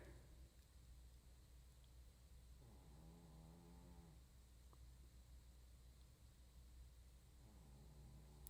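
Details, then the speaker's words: A cat snoring unusually loudly in the background. "Kitty is like madly snoring in the background."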